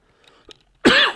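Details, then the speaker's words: Single short, harsh cough after a quiet pause from an adult speaker suffering from cough and cold; cough. "I am sorry for my voice because I'm suffering little from cough and cold"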